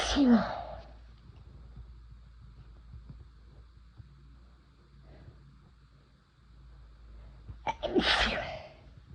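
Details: Two loud, explosive adult sneezes about eight seconds apart, each a sharp forceful burst of air, set off by first-time use of chhinkni snuff.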